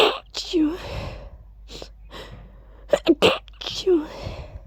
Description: I tried ending them with "choos". Felt really sneezy 🤧